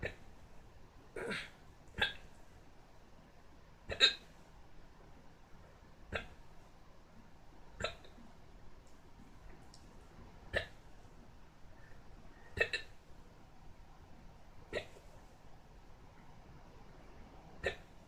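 Short, sharp hiccup sounds about every two seconds, roughly 30 a minute, over quiet room noise; a bout of hiccups.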